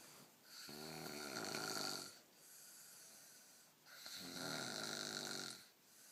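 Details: Loud snoring: two long, rough, rattling snores on the in-breath, with quieter breathing between them.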